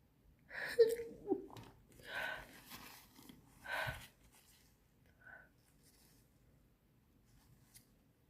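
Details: Sneezing fit, tagged as allergy sneezes: several sharp, explosive sneeze bursts in quick succession in a small room, then quiet.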